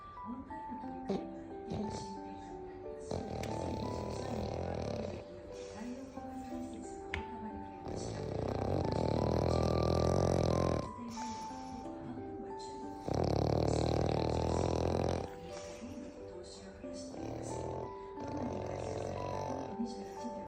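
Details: Loud, long rumbling snores with rough snorting, against background music, from a black pug in deep sleep; heavy snoring in a flat-faced dog.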